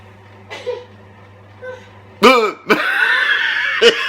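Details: Reverse hiccups: sudden, involuntary voiced bursts of exhaled air recurring irregularly, amid laughter, for about 20 minutes to an hour; not drunk or on drugs, and usual hiccup remedies failed.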